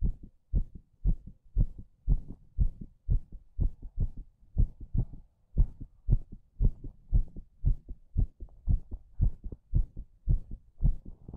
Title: STRONG HEARTBEAT